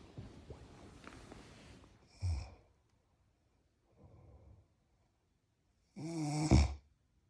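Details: Irregular snorting breaths with pauses between them, ending in one loud, rough snore, recorded while on holiday in Ireland; snoring.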